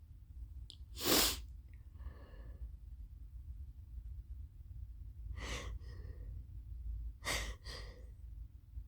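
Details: Repeated allergy sneezing: three forceful sneezes, each preceded by a sharp inward breath, in a quiet room. The sneezing began after equine therapy at a ranch, and an allergy there is suspected. A new prescribed allergy medication was started the night before.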